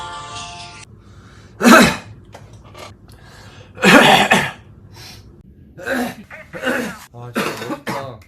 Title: coughing compilation